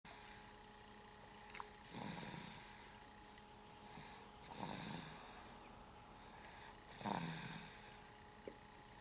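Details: Young child sleeping peacefully, snoring until tickled awake: three soft, rough snoring breaths about 2.5 seconds apart over a steady background hum.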